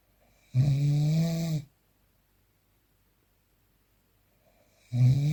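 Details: Real, unprocessed recording of snoring during sleep: loud, deep buzzing snore about a second long, long quiet pause, then the next snore; vibrating airway noise.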